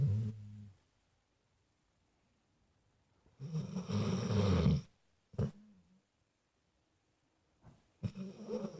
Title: snoring